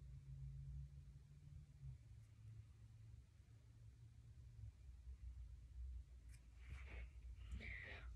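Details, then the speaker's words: Steady low rumble, then short high-pitched gurgles heard during an abdominal assessment, about 7 bowel sounds per minute with no abnormalities: normal bowel sounds. "right, so I heard about 7 bowel sounds in a minute. I heard the gurgling sounds and they were high pitched, which is completely normal, and I didn't hear any abnormalities there."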